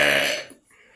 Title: Burps For You part 10